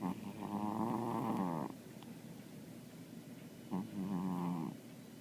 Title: Murph Snoring